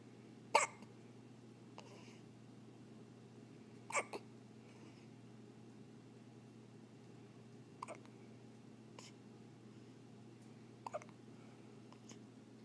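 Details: Newborn baby with hiccups: sharp, brief hiccup sounds every few seconds, about six over twelve seconds, over a steady quiet room hum.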